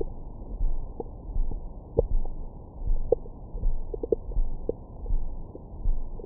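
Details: Soft rumbling and gurgling with brief squeaky notes from the belly, recorded with a Stemoscope stethoscope microphone after a large meal for ASMR: ordinary active bowel sounds, stomach growling.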